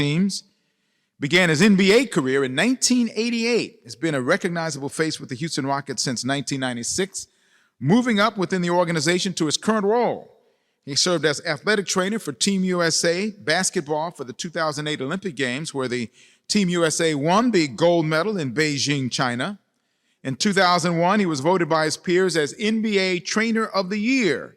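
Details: Adult speaker; normal voice.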